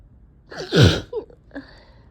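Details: Person with cat allergy and allergic rhinitis, with a very sore throat, eyes barely able to open and a tickling nose: a gasping intake, one forceful sneeze, then short sniffing and voiced after-sounds. Allergic sneezing.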